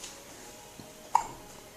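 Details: Baby with hiccups: a single short, sharp infant hiccup in a quiet room, with a faint softer catch before it.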